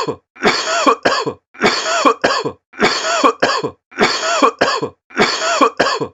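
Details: Coughing sound effect: repeated bursts of harsh coughing, about fifteen coughs in triplets roughly every second, apparently looped; cough.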